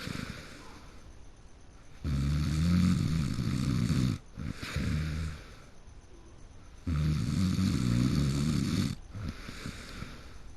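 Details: Person who fell asleep in the middle of a game: loud, rumbling snores on each in-breath, about two seconds long, with quieter breathing between; heavy snoring.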